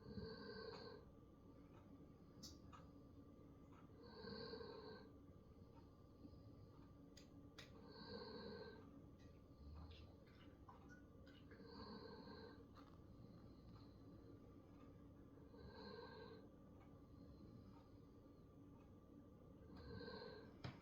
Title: Friday's morning coffee nap time. #coffeetime #naptime #friday #snoring #morning